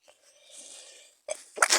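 A short drawn-in breath followed by a sharp, explosive sneeze burst; a single sneeze, here with a cold.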